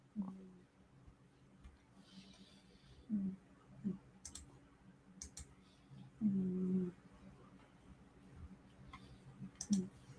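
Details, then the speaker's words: Relaxed cat sleeping bent in a box, microphone placed above him: soft, low buzzing snores recurring irregularly against quiet room noise with faint clicks; snoring. "I'm saying he's bent like a check mark and he's snoring because of it. He's totally relaxed."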